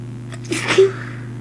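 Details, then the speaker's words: Single sneeze into a tissue from a stuffy-nosed person: sharp in-breath then explosive burst, muffled by the tissue; sneeze. "gosh. That one was wet. I might have to get a new tissue."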